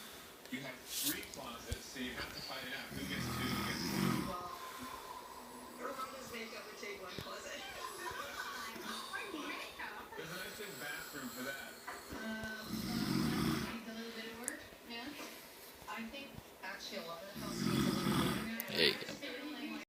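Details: Adult man (dad) snoring in sleep: low rumbling snores recurring every few seconds, with television or room talk in the background; snoring.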